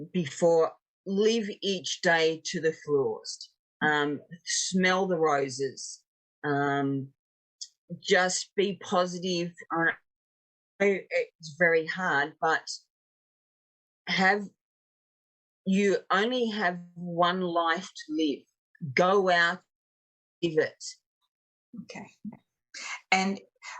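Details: 56-year-old woman, a real stroke survivor, with aphasia following two strokes; aphasia.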